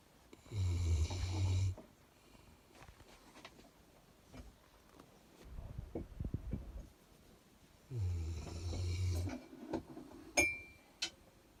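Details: Dog snoring while asleep, worn out after a morning walk in the hills; deep rattling snores on the in-breath, two clear cycles with soft breathing noises between.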